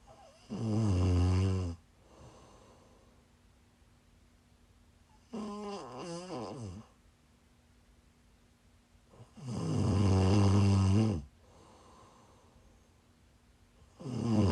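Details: Loud, rattling snores on each in-breath with quieter out-breaths, about three cycles in fifteen seconds, recorded during a live stream while the snorer was sick: snoring.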